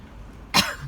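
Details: Single abrupt, harsh adult cough burst trailing into a brief throaty sound over quiet background hum, recorded while talking about an uncle's cake; cough.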